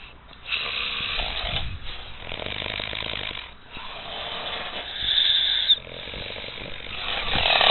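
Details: Harsh, rasping snores in long bursts with brief pauses between them, on a muffled recording; epic loud snoring.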